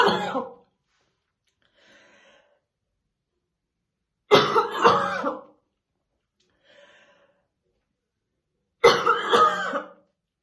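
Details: Real, unacted morning coughing fit of a female smoker brushing her hair: heavy, deep, harsh cough bursts about every four seconds, with faint breaths between them; smoker's cough.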